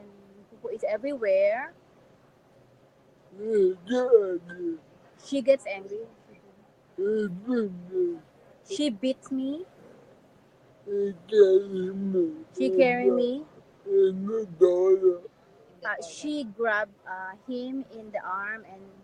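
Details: Dysarthria in an adult man with severe cerebral palsy and physical disabilities.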